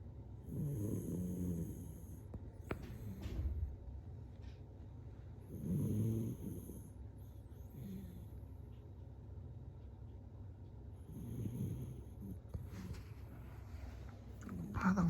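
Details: Snoring: low, rumbling snores roughly every five seconds, about 12 breaths a minute, with a faint high-pitched sound in the background.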